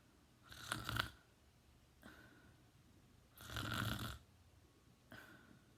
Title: Teen boy snoring!